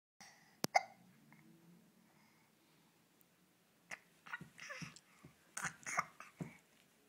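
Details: Infant with hiccups who doesn't seem to mind; repeated short, abrupt catches of breath, some with a brief voiced squeak, in a quiet room.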